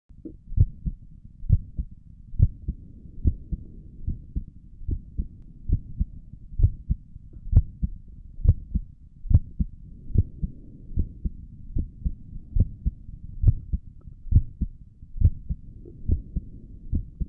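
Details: Normal resting heartbeat recorded with a stethoscope on the chest: steady heartbeat at roughly 65–70 beats per minute.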